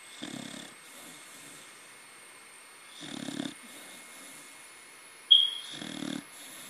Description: My baby corgi snores..